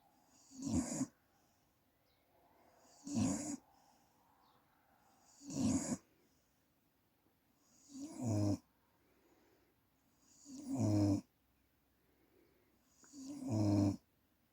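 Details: Pet snoring during sleep: six regular breaths at about 24 a minute, each a rough snorting rattle on inhalation; ordinary snoring.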